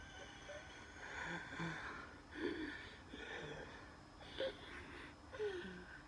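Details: Noisy, labored breaths with high whistling tones from narrowed airways during a night-time asthma attack with dizziness and chest pain; wheeze.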